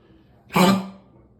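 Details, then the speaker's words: Harsh, honking cough burst from a dog, part of a repeated coughing pattern the owner says happens every time he climbs or descends stairs, walks outside, gets up from sleeping, or drinks water; just after walking up stairs. "This is ridiculous. He does this every time he either comes up the stairs or down the stairs or walks outside or gets up from sleeping or has a drink of water."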